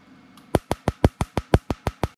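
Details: A tattoo removal laser fires in short bursts to ease the client's sting, treating the black ink first with the other colours done separately later: rapid, sharp snapping pulses, about six per second, in a quiet room.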